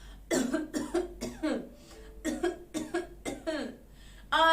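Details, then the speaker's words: Performed coughing while saying "I cough": about seven short, voiced cough bursts in two runs, with a high vocal sound at the end; repeated coughing. "i sneeze i sneeze i cough cough i cough cough"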